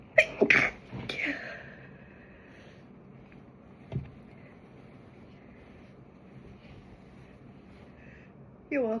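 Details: Quick bursts of sharp, explosive sneezing at the start, then quiet room noise with a small noise near the end; ordinary sneezes.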